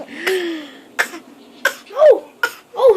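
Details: An adult father's repeated cough in a small room: four abrupt, harsh bursts about two-thirds of a second apart, with brief voiced sounds between them.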